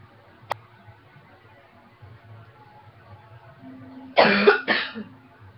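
Two harsh coughs close together after a quiet stretch with faint room noise.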